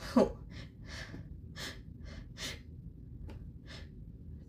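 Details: Adult deliberately inducing sneezes with grass on a high-pollen early-fall day: a run of sharp, hissing catch-breaths about two-thirds of a second apart, the hitching gasps before a sneeze; gasping.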